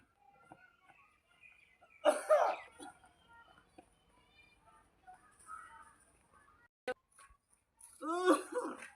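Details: Elderly man (uncle) with a harsh, noisy cough burst followed by a rougher voiced cough, about two coughs, in a quiet room; severe cough.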